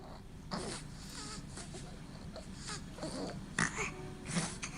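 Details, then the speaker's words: Sleeping baby snoring, played by a general dentist discussing tongue-related causes of infant snoring: irregular, noisy, snorting breaths with squeaky tones between bursts. "is snoring baby is snoring and we're all supposed to be born perfect but babies do snore and why do babies snore i'll tell you in a minute"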